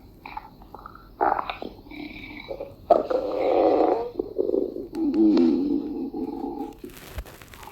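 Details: Irregular low gurgling and rumbling bursts from a deer's belly: stomach growling (bowel sounds) from gut movement.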